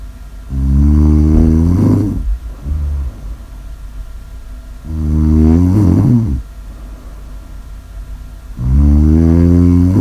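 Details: Loud, rattling, buzzing snores on each in-breath, about 15 breaths a minute; heavy snoring.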